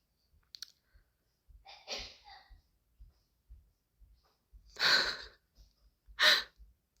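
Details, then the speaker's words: Sneeze: two sharp, explosive bursts, each preceded by a brief inhaled build-up, heard in a quiet room during a livestream. "아 언니가 갑자기 나와 가지고 제책기 해가지고 까먹었어. 들렸어요 언니 제기 소리 들렸대."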